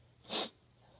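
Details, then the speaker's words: A single short, hissy nasal burst of air, a snort or stifled sneeze, while trying to sneeze. "Oh, come on, just sneeze."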